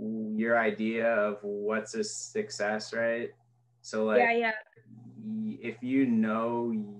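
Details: Adult speaker; fluent speech.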